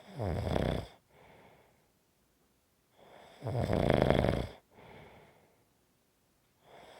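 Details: Snoring: loud, rattling snores on each breath in and softer breathy sounds on each breath out, repeating about every three and a half seconds, fading and strengthening.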